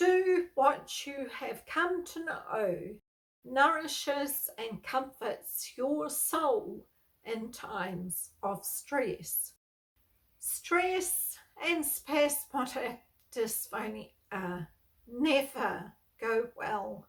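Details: Adult woman with spasmodic dysphonia, a neurological voice disorder she has lived with for over 38 years; she reports stress worsens her voicing and speaking.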